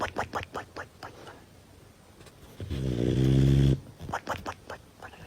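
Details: Dog snoring: a single loud, low, buzzing snore lasting about a second, between quieter sniffing and rustling sounds.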